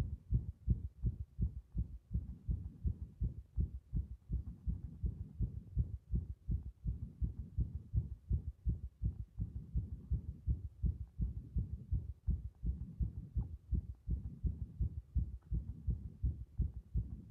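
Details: Heart sounds recorded under compression: rapid, dense, low heart thumps with uneven spacing in places, an irregular rhythm (arrhythmia).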